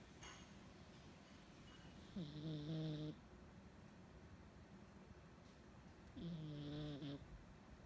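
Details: Sleeping dog making two drawn-out, whining, squeaky breath sounds about four seconds apart: snoring with sleep vocalizing and twitches.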